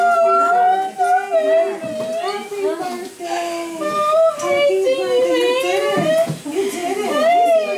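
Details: Natural birth of a first child: strong, wavering newborn cries with background music; first cries just after delivery.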